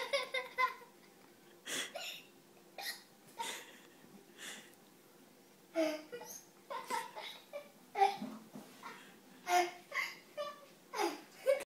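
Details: Young boy with hiccups: repeated short, abrupt catches of breath mixed with giggling and soft vocal sounds.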